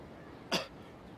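One brief, harsh cough burst from an actor over quiet room noise; coughing up blood cannot be heard.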